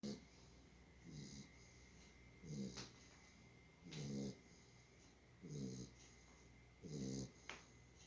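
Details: Sleeping dog: rhythmic, low, rattling snores on each breath in, about six in eight seconds, with soft whistling breaths out; ordinary snoring.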